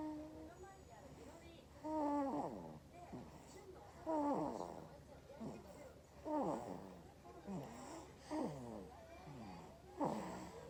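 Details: Sleeping 2-month-old baby snoring: soft, squeaky snoring noises on each breath, about 28 a minute, with quiet room hum behind; infant snoring.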